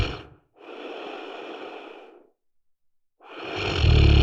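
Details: Harsh, rattling breath noises in long bursts separated by a silent pause, ending with a loud rumbling onset; snoring.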